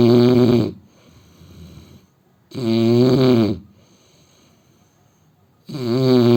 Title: Indian man snoring 😹